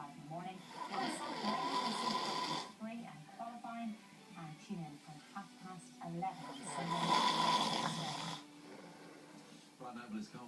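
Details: Two loud, rough, rattling snores about six seconds apart, with television speech in the background; ordinary snoring.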